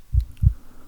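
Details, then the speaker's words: Acted medical roleplay exam: two deep, regular heartbeat thumps heard by stethoscope on the chest in a quiet room, described as very strong and rhythmic; normal heartbeat. "That's very strong. Rhythmatic. That's excellent. That's a good sign."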